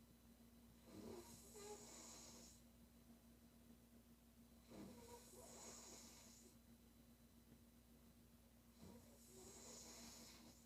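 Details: Female sleeper snoring: three long rough, rattling inhaled snores with hissing exhales, about one every four seconds, over a steady background hum.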